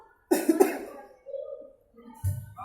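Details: A quick burst of three harsh coughs, then throat noises and a shorter cough, from someone vaping for the first time; an irritant cough after inhaling vapor.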